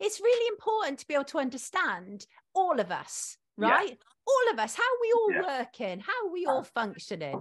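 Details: Adult woman speaking; ordinary speech.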